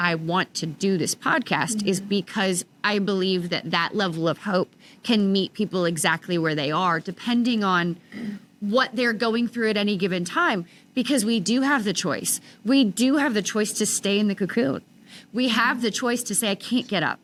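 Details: Adult woman speaking; normal speech.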